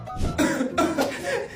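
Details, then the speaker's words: Acted skit of a girl whose mother fears serious illness, doctor says it is only an ordinary cough: a few short, voiced cough bursts from the acting child over music; ordinary cough. "anak ibu cuman batuk biasa aja Bu tidak ada yang parah kok Bu"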